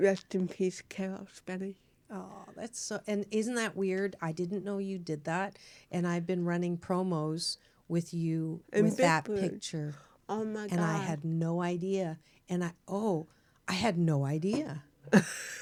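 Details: Adult woman; normal speech.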